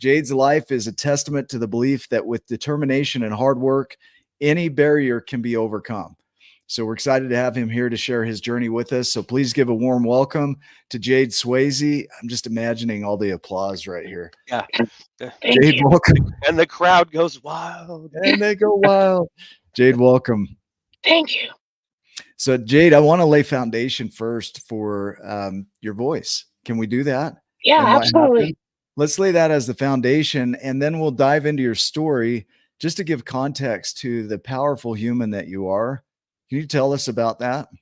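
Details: Adult male host speaking, brief replies from a second man; normal speech.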